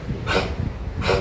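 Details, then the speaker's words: Dog with a presumed bacterial infection, not a swallowed bone, three days into the illness: bouts of harsh, loud, choking-like coughing lasting 40–60 seconds, with two short, forceful snorting bursts. "هذا الموضوع زي ما قلت لكم التهاب بكتيري بصيب الكلاب. مرات لما بكح بكون صوته عالي."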